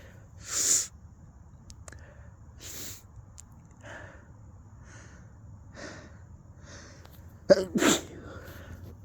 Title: messy winter chilly sneezes (extremely messy)